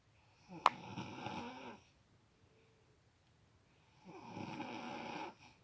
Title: A story of a girl who wont stop snoring chanel honston